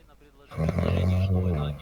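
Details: Kyrgyz man snoring: a single loud, deep, vibrating inhaled breath, a heavy snore.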